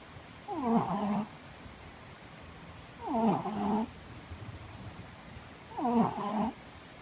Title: THE LOUD SNORING CAT